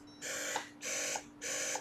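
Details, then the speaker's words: A Unimom Opera+ hospital-grade breast pump runs in massage mode (60–100 cycles/min) at about 100 cycles a minute. Each cycle is a hissing motor whir ending in a soft click, giving short, fast suctions that mimic a baby's latch at the start of a feed. "it's faster. So what that means is massage mode is going to be the short, fast suctions that mimics a baby's latch at the start of a feed."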